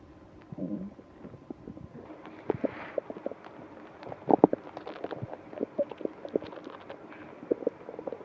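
Bubbling, gurgling rumbles with scattered pops and squeaks, coming and going irregularly. Loud stomach growling from gas and fluid moving through the gut.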